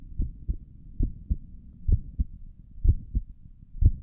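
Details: Soft, steady paired thumps at about 62 beats a minute, heard with the head on a chest (stethoscope tagged), for sleep relaxation: calm normal two-part heartbeat.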